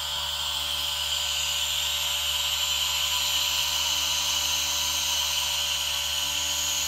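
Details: Steady hiss and hum of a running aerosol nebulizer blended with the soft misting of a humidifier, recorded together as relaxation ASMR; normal device sounds.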